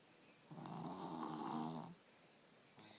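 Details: 3-year-old child with strep throat snoring in sleep, usually bad and now worse with the strep, with an ENT visit being considered: one long, rough, vibrating breath, then quiet and the start of another; snoring.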